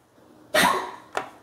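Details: Dry cough in an old dog, shown in a veterinary discussion of Korean herbal medicine treatment, with tracheal stenosis tagged: two harsh, dry, non-productive cough bursts, linked to ageing and bodily dryness.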